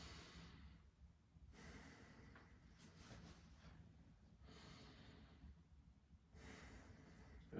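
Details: Normal vesicular breath sounds over the right lung apex, heard through the stethoscope diaphragm during slow, deep breaths in a student's chest exam: soft, even airflow without wheeze or crackles.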